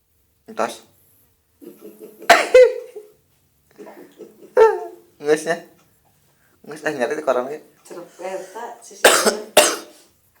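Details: An adult father gives several short, sharp deliberate voluntary coughs, with an infant giggling and cooing in between.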